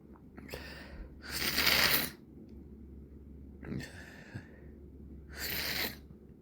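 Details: Two partly stifled sneezes in the evening, each a sharp inward catch then a hissing burst, over room hum. The nose has been irritated by irritants for several days and rubbed red. Sneezing.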